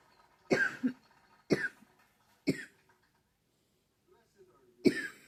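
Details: Person with seasonal allergies who cannot stop coughing: cough.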